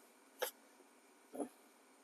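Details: Cough in an older man with a cold (batuk pilek) and headache, lungs ticklish and sore, during massage meant to ease cough: two short, soft cough bursts about a second apart over faint room noise.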